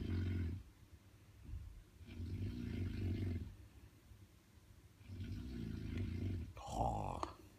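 Loud, low rumbling snores recur about every three seconds, with rattling vibration on each breath in; heavy snoring.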